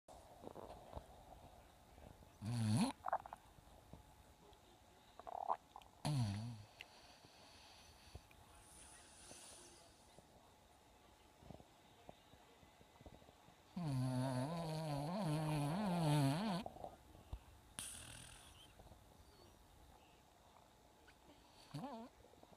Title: Vixen Snoring